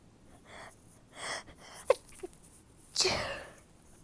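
Several short, muffled hissing bursts with quick inward catches, consistent with sneezes held back and suppressed.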